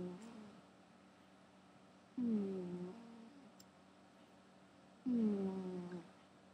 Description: Gary the cat is snoring while he sleeps.